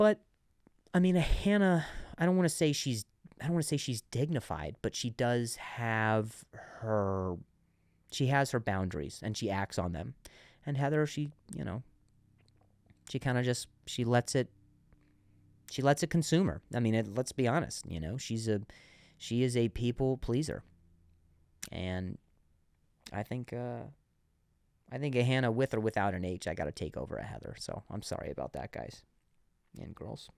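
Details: Adult man who says he still sometimes stutters, with audible word repetitions; stuttering.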